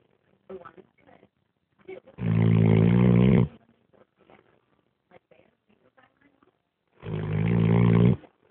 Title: snoring